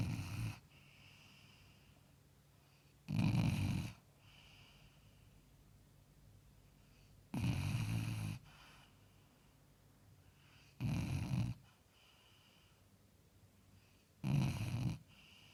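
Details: Sleeping basset hound, five loud, rough snores about every three seconds, roughly 20 breaths a minute, with quiet gaps between: snoring.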